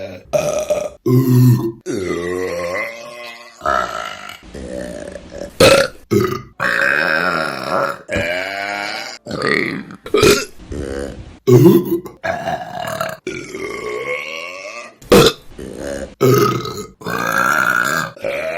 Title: Burping Compilation May #1 | RBC